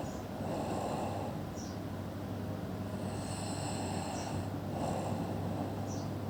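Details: Sleeping person: rough, rattling snores recurring with each breath over steady background noise; snoring in sleep.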